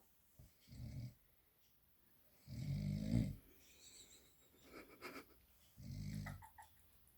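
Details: A sleeping male dog snores in low rumbling bursts, about three in seven seconds, an ordinary snore.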